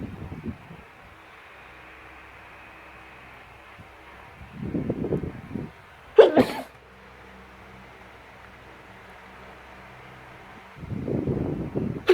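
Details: A single sharp, explosive morning sneeze in a quiet room, with softer rustling sounds before and after.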